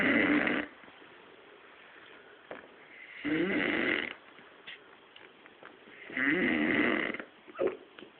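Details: Sleeping man snoring while he has hiccups in his sleep: three harsh, rasping snores about every three seconds, separated by quiet gaps with a few small clicks and catches.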